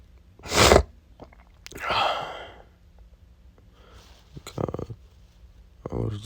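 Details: Male with spring pollen allergy, congested, with a burning sensation and itchy face: a sharp sneeze, then a long hissing breath out, snorting sniffs and a vocal grunt; repeated allergic sneezing (allergic rhinitis).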